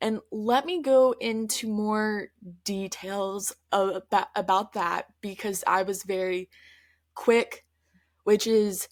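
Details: Stuttering in an adult woman who stutters, heard in her real, spontaneous conversational speech.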